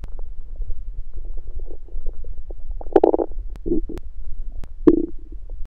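Low gurgling rumbles with a few louder, drawn-out growls over steady low background noise; hunger-related stomach growling, a normal finding.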